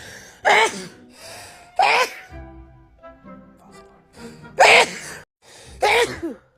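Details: Four forceful sneezes in quick succession over background music, each preceded by a sharp intake of breath, from a Black woman in a sneezing attack while sick with a cold or flu; an edited loop.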